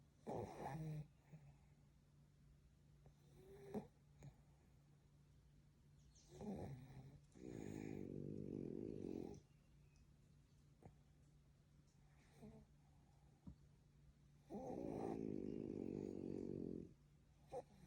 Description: Frenchies snoring 😴 having a little dream as well.